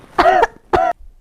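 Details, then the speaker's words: Two short, voiced, acted cough bursts from an adult, muffled as if coughing into the inner arm, demonstrating cough etiquette in a hospital public-health skit. "Es, kalau batuk hati-hati dong. Lah, emang gimana caranya? Batuk itu juga ada etikanya."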